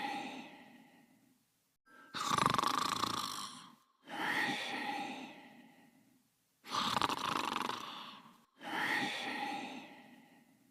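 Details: Animated cartoon character snoring, simulated: loud, rough snores alternating with long wheezy out-breaths in cartoon style.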